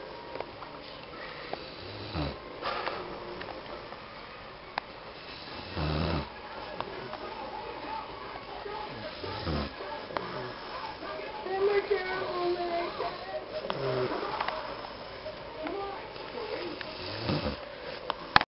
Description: This vid is basically PROOF that my uncle snores...and he says he doesn't snore...